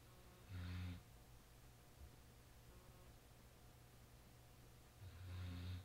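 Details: Snoring while asleep, recorded Nov 12 2010: two low rumbling snores about four seconds apart against quiet room noise.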